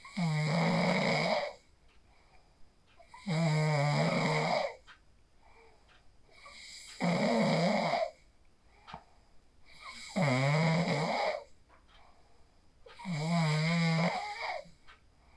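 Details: Real sleep snoring recorded on a phone after practicing the 4-7-8 breathing technique (inhale 4, hold 7, exhale 8): regular, loud, vibrating snores on each breath, about 19 a minute, separated by quiet gaps.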